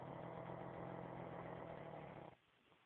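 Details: Black pug snoring: a single long, loud, buzzing snore from a small flat-faced dog, ending abruptly.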